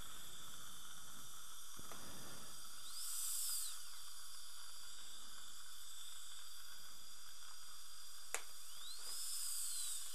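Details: Dental drill during lingual composite bonding splinting tooth 9, which has bone loss, to tooth 8: high-pitched steady whine in short runs with suction hiss in the background.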